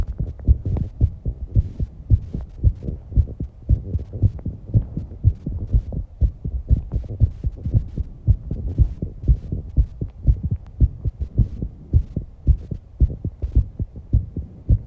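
Rapid, regular heavy thumping at about 110 beats a minute with breathing noise; fast heartbeat after exercise, a normal response.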